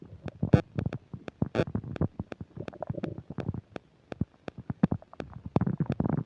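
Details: While eating a burger and fish fries with self-described upset digestion, close new microphone picks up rapid, loud, almost continuous abdominal gurgling and popping; very active bowel sounds (borborygmi).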